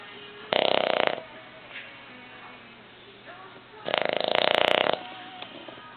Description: My Boston Terrier Buster sleeping and snoring.